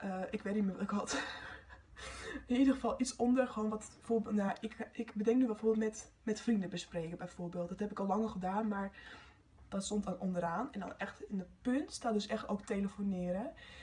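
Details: Stuttering in a Dutch-speaking female who stutters and experiences blocks.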